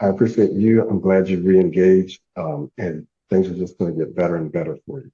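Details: Adult male speaker; no speech disorder.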